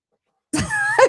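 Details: A single sudden adult sneeze, a sharp burst of air followed by a short voiced 'choo', heard during a podcast conversation; hosts deny sneezing and attribute it to the producer.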